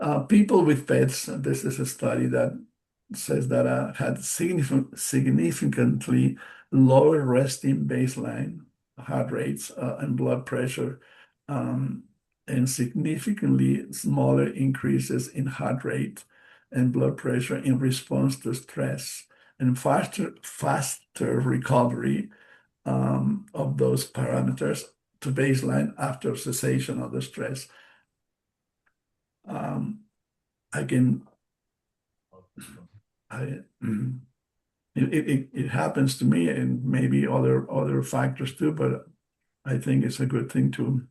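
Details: Post-stroke aphasia in an adult male stroke survivor, a non-native English speaker, speaking English: aphasia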